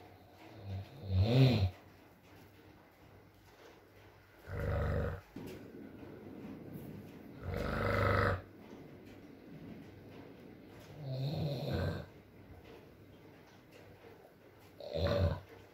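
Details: Adult man (boyfriend) snoring during sleep, with low rumbling snores every three to four seconds, around 17 a minute, and soft rain in the background.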